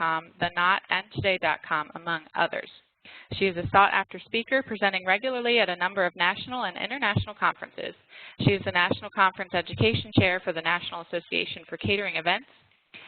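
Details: Adult female speaker; normal speech.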